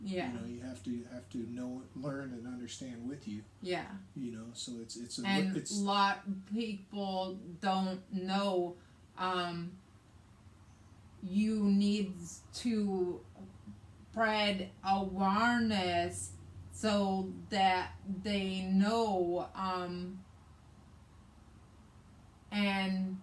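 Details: Aphasia in a woman after a hemorrhagic stroke on May 19, 2020, with right-sided hemiparesis, brain surgery and an ICU stay; the aphasia also affects her reading and writing.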